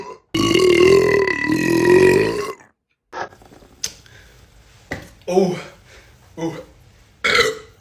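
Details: Boy giving one long, loud, drawn-out belch of about two seconds, then a few short throaty sounds and laughter; burping.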